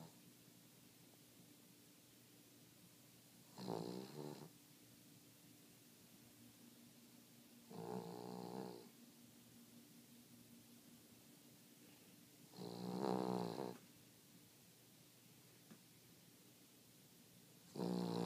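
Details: King Charles dog snoring in sleep: soft, buzzing snores about every four to five seconds in a quiet room.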